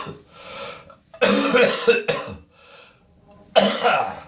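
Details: Harsh, wet coughing bursts with throat clearing and quieter breathing between, in a recurring early-morning coughing spell in the bathroom with spitting and nose blowing; a productive cough.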